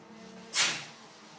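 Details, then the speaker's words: A single sharp, hissing sneeze from a live karting-race commentator, caught through the microphone over quiet room noise, followed by "bless you"; sneeze. "You know when I did that hand gesture, that was, you Phil, I'm going to sneeze. But you can still hear the sneeze through my microphone."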